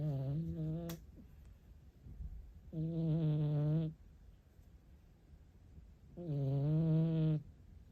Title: 猫のイビキ聞いたことある？【Have you ever heard of cat snoring】保護猫